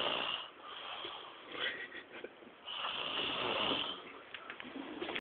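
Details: Man who claims he doesn't snore while awake: two long whistling snores on the in-breath with a softer breath between; snoring.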